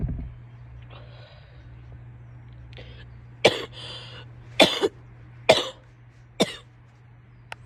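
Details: Woman coughing in a quiet room: two soft throat clears, then four sharp, separate coughs, recorded for a sneezing and coughing clip.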